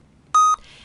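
A single short, clear electronic beep at a fairly high pitch, followed by faint room noise: a high-pitched pulse oximeter tone indicating higher oxygen saturation.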